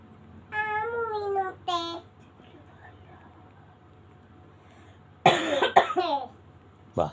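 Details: Cough: a child's voice is heard first, then a loud, harsh cough burst from an adult woman who is sick with a cough and drinking tea.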